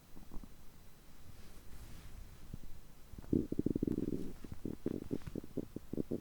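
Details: Borborygmi: stomach growling and digestive sounds recorded on a day of overeating, when the stomach keeps groaning like this for more than three hours.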